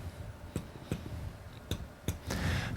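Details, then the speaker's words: Direct chest percussion with a reflex hammer: four sharp taps with a low, hollow ring giving normal resonance over air-filled lung. "the normal sound we get back from percussion is called resonance this is the sound of an Airfield lung underneath the chest wall"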